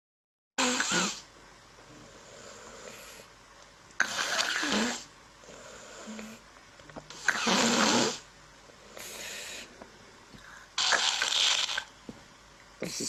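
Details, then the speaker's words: Coarse, low-pitched snoring sound (stertor), likened to a blocked nose, played as a teaching example of airway noise in a clinical otolaryngology session on laryngomalacia; snoring. "responsável pronta mais grosseiro né ele ele é mais mais grave né é muito impressão medo de nariz entupido né"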